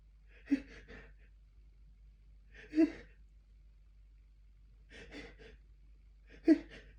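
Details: Four short voiced bursts a few seconds apart with sharp onsets in a quiet room: repeated forceful sneezes that broke through while trying to hold back sneezes by pinching the nose for over a minute.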